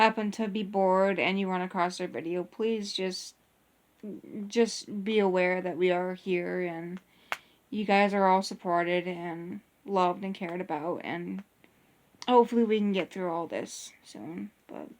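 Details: Adult speaker; ordinary speech.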